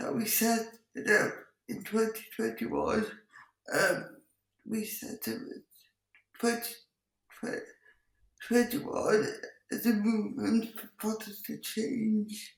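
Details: Speech impairment in an adult woman with cerebral palsy who says her speech is impacted; she also has involuntary movements and uses a wheelchair.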